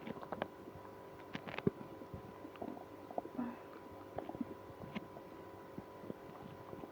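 Scattered gurgles, squeaks and low rumbles over a steady hum; active bowel sounds, stomach growling, in a person with irritable bowel syndrome.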